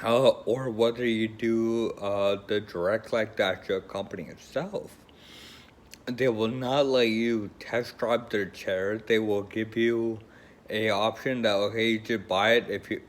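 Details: Adult man with Friedreich's ataxia who uses a scooter; ataxic dysarthria (Friedreich's ataxia).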